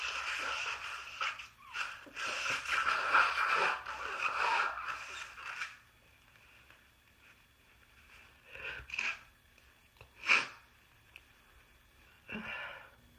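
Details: Person with yet another cold: a long, wet, congested nose-blow, then several short explosive sneezes; nasal congestion with sneezing.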